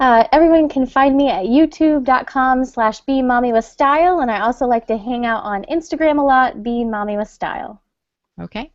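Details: Adult woman; Normal speech.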